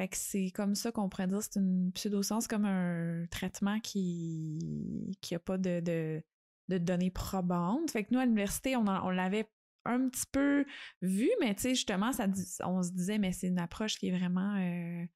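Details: Adult woman speaking French; normal speech.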